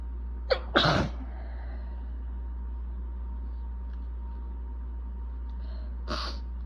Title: I’M BACK! With BAD allergies! Itchy, desperate sneezing fit w/building congestion (recorded 3/21)